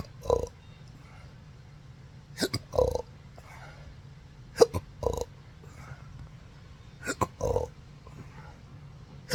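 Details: Adult with rare condition since December 2015 after surgery causing multiple nerve damage (pudendal, phrenic, vagus nerves affected, diaphragm contracting involuntarily): repeated abrupt throat hiccups, some paired with burps, every two to three seconds; persistent intractable hiccups.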